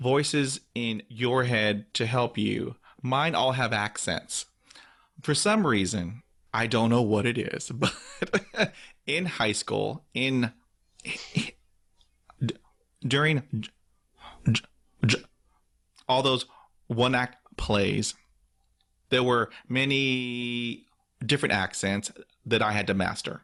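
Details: Real stuttering in an adult man who stutters, with repetitions and part-word repetitions; finding: stuttering.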